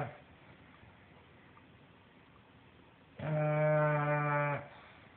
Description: English bulldog snoring